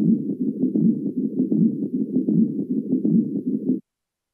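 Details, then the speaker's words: Pericardial friction rub from inflamed pericardial layers rubbing, best heard at left sternal border at end expiration with patient leaning forward or in left lateral position; rapid, scratchy, high-pitched grating sounds about 78 a minute. "يريش ويسمع بشكل افضل عند حافه القص اليسر في نهايه الزفير بوزيشن اي انه عندما ينحن المريض الى الامام او في وضعيه الاستلقاء الجانبي الايسر والان لنستمع معا الى البرار"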